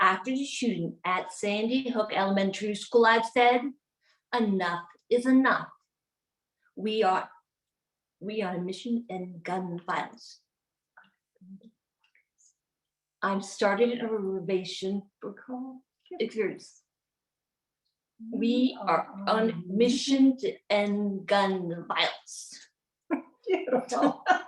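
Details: Aphasia in an adult woman, a former congresswoman, acquired from a gunshot wound to the head in January 2011.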